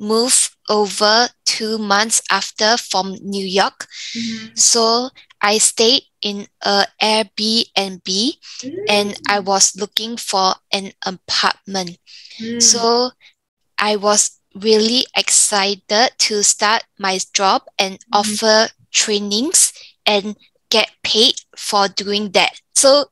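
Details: 34-year-old woman, stroke from arteriovenous malformation at age 31 (July 2019), weaker right side and memory decline; Mandarin speaker who lost tones; in speech therapy; aphasia with apraxia of speech.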